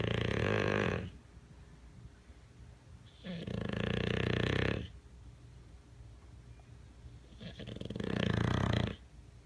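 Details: Bulldog asleep indoors on a person, snoring: three loud, rough snores, each a long noisy breath over a second long, with quiet pauses between.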